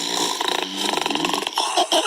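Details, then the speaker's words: Loud, harsh, fluttering, rattling snoring with shifting pitch, presented as typical of moderate to severe obstructive sleep apnea in adults with obesity, where the airway partially or fully collapses during sleep and may interrupt breathing. "This is the soundtrack of the millions undiagnosed with moderate to severe obstructive sleep apnea or OSA in adults with obesity."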